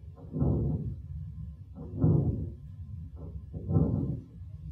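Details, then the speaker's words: Breath sounds heard through a stethoscope, with short popping crackles riding on each breath. Presented as a fluid-mechanical phenomenon of breathing, linked to reduced or malfunctioning lung surfactant in illness: lung crackles. "these are called crackle sounds so so this is a very interesting fluid mechanical phenomena that happens because you're breathing"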